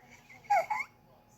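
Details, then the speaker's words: Two quick, high-pitched voiced catches from a baby, close together, a short bout of hiccups. "You got the hiccups. Hold your breath. Hold your breath."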